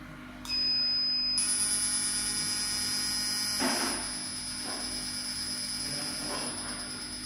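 High steady electronic tones with soft bursts of firing noise from a fractional CO2 laser in normal scanning mode.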